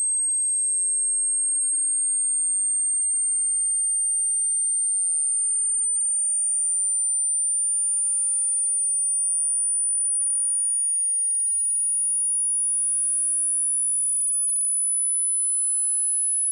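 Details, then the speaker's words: Tonal tinnitus pitch-matching sweep for headphone listening: a steady, thin pure tone slowly rising in pitch from 100 Hz toward 16,000 Hz; tinnitus pitch-matching tone sweep. "up next you will hear a frequency sweep beginning at 100 Herz and gradually increasing to, 1600 HZ"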